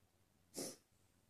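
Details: Deliberately trying a "girlier" sneeze on request: a single soft, brief sneeze in a quiet setting: sneezing.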